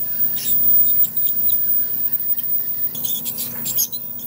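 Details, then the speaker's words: Ultrasonic dental scaler in use on an anesthetized dog with early-stage periodontal disease, cleaning crowns above the gum line: high squeaks, hissing cold-water spray and clicks as tartar is removed. "in this video I will scale my patients teeth with an ultrasonic scaler I don't want to be on each tooth for too long you don't want to heat it up but there's cold water coming out and cooling down the tooth and the instrument removing all removing all of the calculus"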